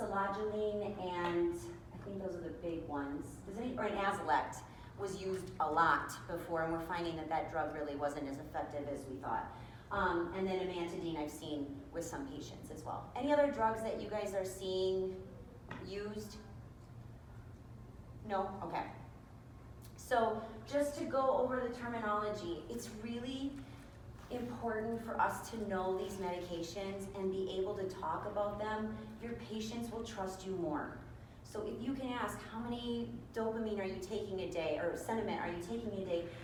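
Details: Adult woman speaking; typical speech.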